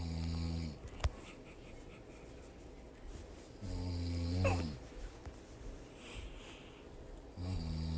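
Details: A mother snoring: deep, rumbling snores on breathing in, with quiet pauses between, about 18 a minute, and faint room noise: snoring.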